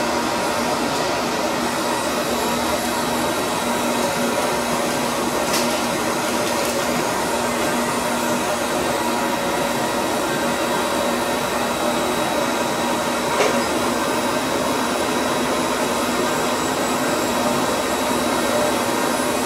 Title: Laser surgery removal of growth on a dog